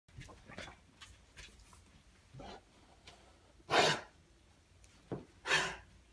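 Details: Cough.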